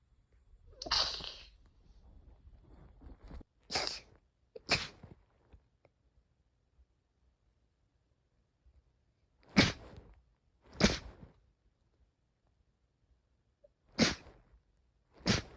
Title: sneeze 51-60